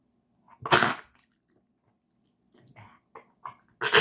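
A loud harsh burst, then several softer short bursts and another strong one at the end: a dog coughing.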